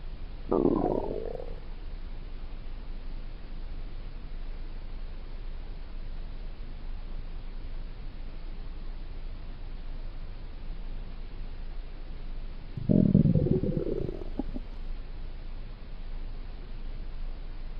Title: water stomach growl